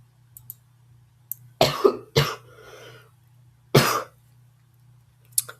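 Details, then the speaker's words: Three short, dry-sounding coughs against a steady low bus engine hum, from an adult school bus driver sick with the flu; flu cough. "Well, explanation for my recent inactivity is I've been sick."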